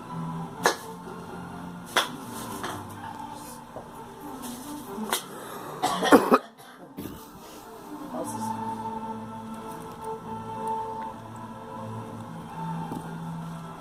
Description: Girl coughing